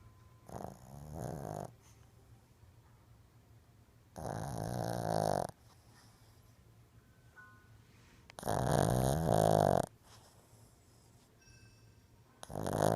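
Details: Sleeping Shih Tzu dog: loud rattling snores, about four in thirteen seconds, with quiet pauses between; ordinary snoring.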